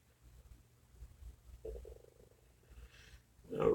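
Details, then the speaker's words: Stomach growling (borborygmi) from a person saying they are very hungry. "nope you can hear that stomach growling I am actually very very hungry guys"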